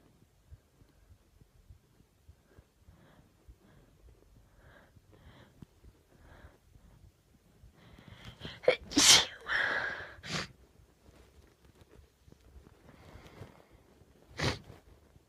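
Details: Induced sneezing: quiet catching breaths build to a forceful sneeze with a second burst, then another sharp sneeze later.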